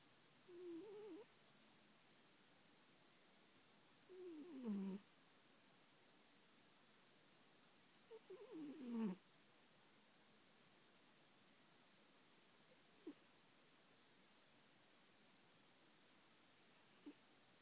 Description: When Sif is feeling especially smug and content, she makes this sort of snorting/snoring noise. She's not asleep.